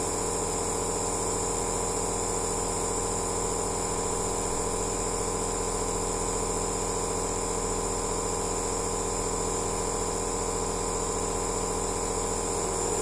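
Continuous droning compressor hum with steady hiss and rapid even pulsing; an aerosol nebulizer machine in operation.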